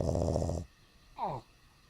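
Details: A dog snoring while awake with its eyes open: a short, rough, rattling snore-like breath, then a brief vocal sound.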